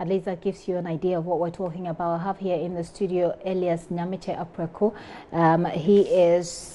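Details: Adult woman speaking; typical speech.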